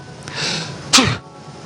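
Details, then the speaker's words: A quick indrawn breath, then one sharp, explosive sneeze through the nose and mouth by an astronaut aboard the space station, sneezing in weightlessness to see whether it pushes him back; a single sneeze. "when you sneeze of course your body is trying to get something out of your nose and it pushes it out pretty fast that little bit of stuff pushing out of your nose would push you back very slightly"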